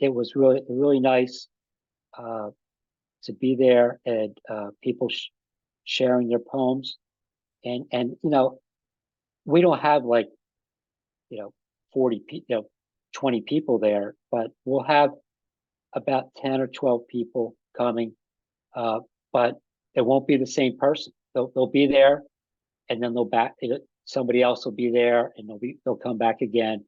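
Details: Aphasia in an adult man about five and a half years after an ischemic stroke that occurred together with a heart attack.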